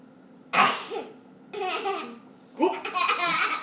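Three abrupt, sharp vocal bursts about a second apart, each a sudden gulping catch followed by a voiced tail; repeated hiccups.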